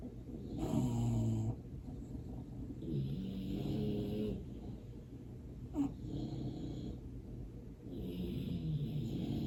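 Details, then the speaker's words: A dog resting on a couch snores low and rumbling on each breath, about four snoring breaths in under ten seconds, with faint room noise. "We will enter meditation to the sound of my dog snoring, but I will silence the video for you through the actual silent meditation."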